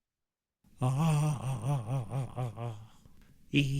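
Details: Moderately severe vocal tremor heard on sustained phonation.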